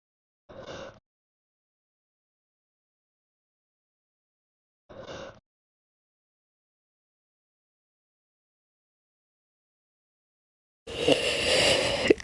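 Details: Slow hiccups after being too cold: two brief, matching gulping hiccups about four seconds apart in silence, then a longer, louder rushing sound.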